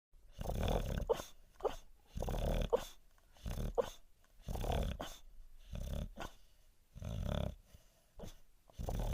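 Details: Dog named Jack snoring and dreaming in his sleep: rhythmic low rumbling snores with soft grumbling noises, about eight snore bursts in nine seconds; ordinary dog snoring.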